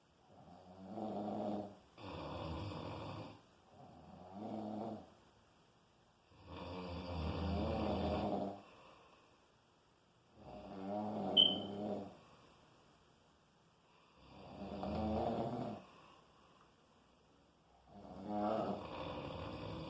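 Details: Loud, rough snoring with rattling bursts on each breath and quiet gaps between cycles; snoring.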